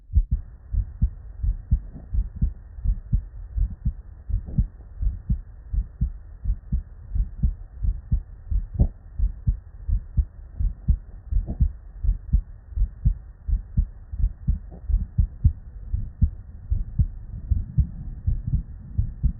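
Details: Real, unedited bedside human auscultation from a patient with normal cardiac physiology; regular lub-dub at about 85 beats a minute with crisp first and second sounds and no extra noises: normal heart sounds.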